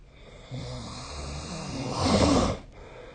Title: 🐽 いびきの音 / Snoring Sleep Sound 2025/05/26